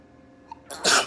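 A short intake of breath, then a single sharp, hissing burst of air. This is one brief sneeze.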